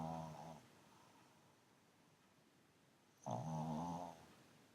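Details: A pug asleep on the sofa, snoring loudly: two low, rattling snores with a quiet pause between them; snoring.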